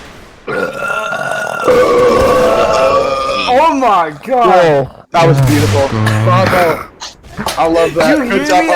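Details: Long, drawn-out voiced belches with rising and falling pitch and brief talk; repeated loud voluntary burping done on command during a gaming voice chat.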